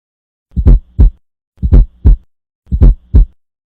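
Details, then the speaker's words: Fourth heart sound (S4, atrial gallop), low-frequency, best heard at the apex with the bell: slow rhythm with a soft low extra sound in late diastole just before each S1, from forceful atrial contraction into a stiff ventricle. "เสียงที่4ของหัวใจนั้นเกิดขึ้นจากหัวใจห้องเทิงมีการหดหัดที่แรงเพื่อสูบฉีดเลือดไปเลี้ยงหัวใจห้องลุ่มที่บ่มีความยืดหยุ่นจึงเฮ็ดให้เกิดมีแรงสั่นสะเทือนเกิดขึ้นซึ่งกลายเป็นเสียงที่4ของหัวใจ"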